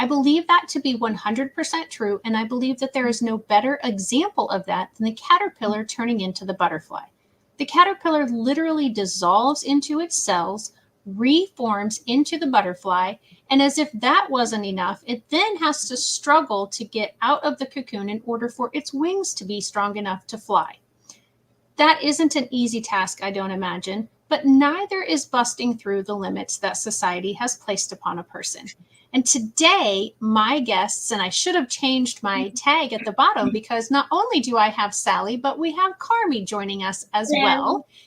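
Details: Adult woman speaking; typical speech.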